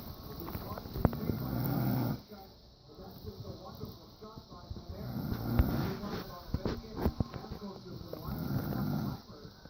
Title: Dad is snoring